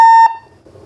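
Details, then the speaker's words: A single loud, pure electronic beep lasting a quarter second, then quiet: faulty Datascope Spectrum OR patient monitor beeping on startup instead of entering the service menu, buttons unresponsive. "now logo appeared i'll let go of the buttons and now it should go into the service menu but what we get is the beeping and that's it so nothing i'll have to turn it off because it's loud and there's nothing no response from any button"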